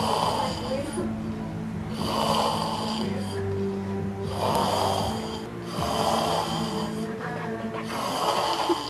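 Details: Rhythmic rasping snores about every two seconds, roughly 28 a minute, recorded at night over steady background hum and faint music: snoring.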